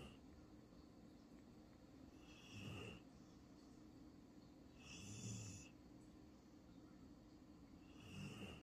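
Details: Eleven-year-old female Vizsla sleeping and snoring: three soft, low snores about three seconds apart, with a faint whistle on each breath over steady room hiss.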